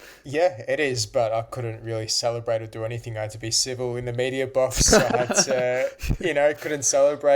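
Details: Adult man speaking; Normal speech.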